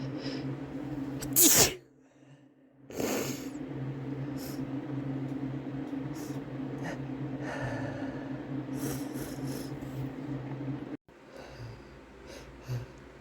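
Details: Two loud, sharp sneeze bursts with brief quiet gaps over steady room hum, provoked by sneezing powder ("chhinkni"); male.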